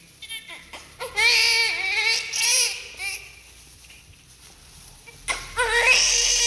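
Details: Newborn just after birth during umbilical cord cutting, clamping and cleaning: loud, high-pitched crying in repeated bursts with brief pauses; strong, vigorous newborn cry.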